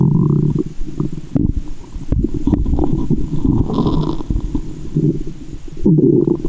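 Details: Loud, continuous gurgling and rumbling with sloshing, heard through a stethoscope at a belly button after candy and fizzy soda: active bowel sounds (borborygmi) in a staged ASMR recording.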